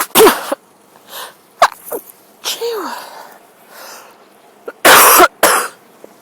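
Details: Adult outdoors in a sunny, breezy park, possibly still sneezing from a cold, suspects mild tree pollen allergy (grass pollen worse): several sharp explosive sneezes in quick succession, some with a brief intake before; sneezing fit.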